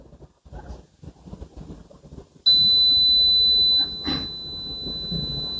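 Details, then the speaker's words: Simulated tinnitus: a steady high-pitched tone starting abruptly over room noise, one of several kilohertz frequencies a tinnitus patient may hear. "Entonces son los diferentes kilohertz que puede tener un paciente. Ahora imagínense usted ese sonido todos los días de su vida."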